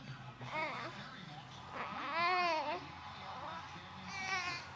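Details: Newborn baby boy with hiccups fusses in short bursts of whiny crying with quiet pauses between, in a small room; unsettled infant cry.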